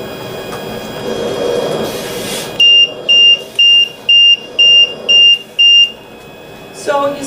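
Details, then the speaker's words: Loud, evenly spaced high beeps, about two a second: an LTV 1150 ventilator high-pressure alarm, triggered on purpose in a demonstration on a pretend patient, with the limit set at 60 and pressures running just over 30. "so if something occurred to make this pressure go up above 60 you would get an alarm I'm going to demonstrate that"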